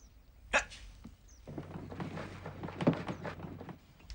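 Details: Acted dramatization, inferred from context, of a male character with Tourette syndrome; a bark- or hiccup-like vocal sound is heard: vocal tic (Tourette syndrome).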